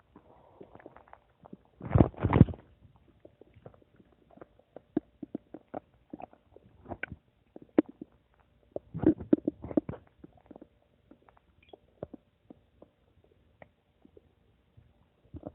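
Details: Scattered soft gurgles and bubbling pops with two louder rumbling bursts from the speaker's own stomach: ordinary stomach rumbling, borborygmi.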